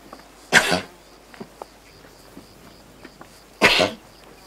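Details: Close-up of two loud, harsh, explosive coughs about three seconds apart from a feral Camargue horse in the Camargue, France, with faint bee-eater calls behind. Horse cough.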